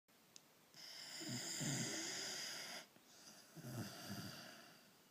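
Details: Two noisy breaths, each with a low rough flutter, over a steady background hiss: snoring.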